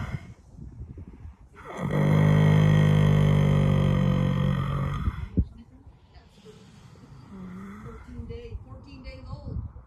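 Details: Snoring from a horse on a lazy Sunday.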